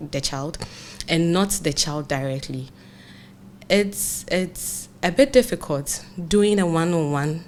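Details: Adult man, a broadcast journalist, who has stammered since childhood, with a family history of stammering in uncles; it was severe through primary and secondary school; stuttering.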